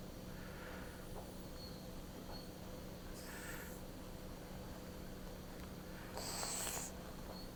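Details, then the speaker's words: Two brief airy hisses over steady room hum during a percutaneous dilational tracheostomy in a ventilator-dependent female patient, after dilation and before placing a size 6 Shiley tube: air escaping through the tracheostomy, confirming entry into the trachea. "you can hear the air coming out of the trache which tells us that we're in"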